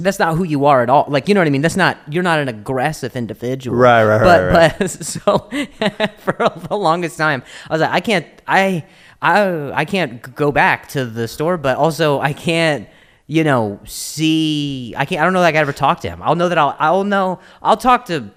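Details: Adult male comedian known for his own stutter, speaking in English podcast conversation; real stuttering.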